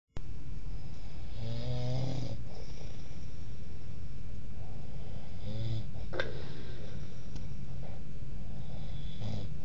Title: snoring 2008